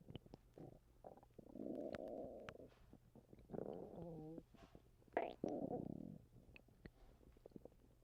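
Repeated low gurgling rumbles and squeaky bubbling from the belly, some long and drawn out, between quiet gaps: stomach rumbling from gas and fluid moving.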